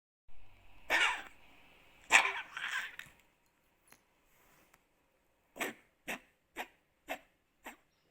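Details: Dog coughing and wheezing: two harsh, raspy coughing spells, then five short hacking coughs with noisy breathing.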